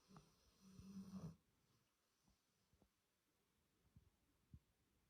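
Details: Rescue dog snoring: a short, vibrating snore followed by soft snuffling breaths in a quiet room.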